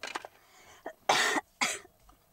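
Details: Adult with a dry throat for about a week, sometimes painful at night, now coughing more: two harsh, dry coughs after brief throat noises, without rattle; a dry, irritated-throat cough.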